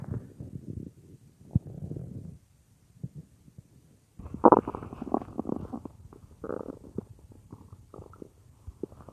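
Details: Woman's belly heard as if lying on her stomach while she works at the computer, stomach growling roleplay; loud gurgling and rumbling; bowel sounds (borborygmi).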